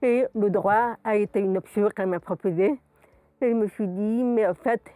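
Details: Adult woman, profoundly deaf since birth, speech learned through twenty years of speech therapy three times a week, has never heard her own voice; deaf speech.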